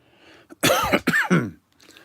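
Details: Persistent post-COVID cough from a speaker who reports feeling lethargic, unwell and low on energy.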